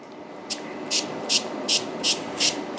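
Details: Six short hissing spray bursts, about every 0.4 seconds, over steady room hum, applied to the face of a male patient at the end of an Endolift fat-melting eye-bag treatment; spray bursts.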